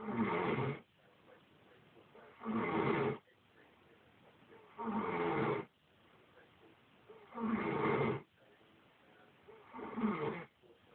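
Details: Adult woman (ex-wife) snoring heavily: loud, rough, rattling snores repeating about every 2.5 seconds, with quieter breathing between.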